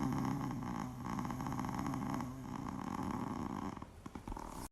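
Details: Pekingese, a small flat-faced black dog, sleeping peacefully with loud, continuous low rattling snores that fade toward the end; snoring.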